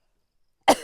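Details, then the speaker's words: Adult speaking into a small microphone during a recorded talk: silence, then one sudden explosive sneeze cut off at the end; sneeze. "I'm uh I have my little microphone here so you can hear me sneezing away."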